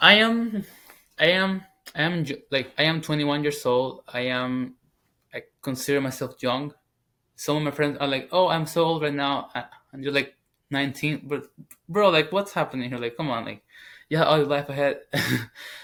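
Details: 21-year-old man, English as second language, former covert stutterer now stuttering openly. Finding: stuttering.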